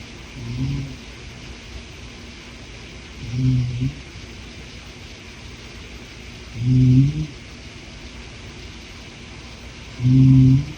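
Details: Older Shetland Sheepdog with seasonal allergies, whose snores have grown louder with age: low, rumbling snores while asleep, about 18 a minute, over quiet steady background noise. Snoring.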